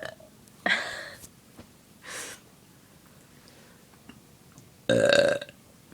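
Three separate belches, two loud and one softer, in a quiet room; repeated burping.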